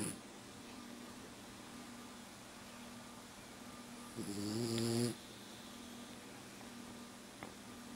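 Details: Quiet room with one loud, harsh snoring breath midway from Oscar, a sleeping French bulldog who did not wake despite being yelled at; snoring.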